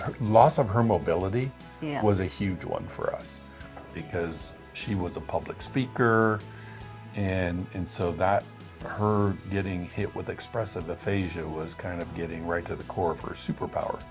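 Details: Adult man speaking; typical speech.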